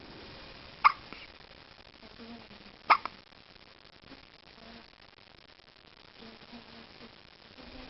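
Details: Little sister hiccuping: two abrupt, sharp hiccup sounds about two seconds apart, with quiet room noise and faint voices; hiccups.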